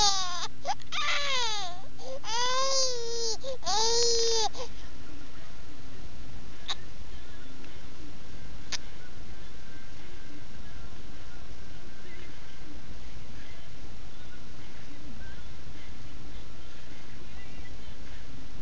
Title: Hungry Baby